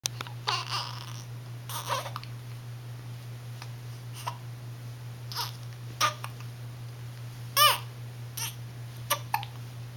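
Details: A sleepy 1-month-1-week-old infant gives short, jerky hiccup catches with brief whimpers and fussy cries over a steady low hum; infant hiccups with fussing.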